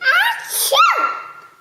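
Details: A playful pretend sneeze: a single voiced, sing-song 'ah-choo' with a rising then falling pitch, not a real sneeze.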